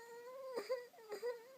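Short, tonal, wavering infant cry with two brief catches in the voice; an ordinary fussing cry in a quiet room.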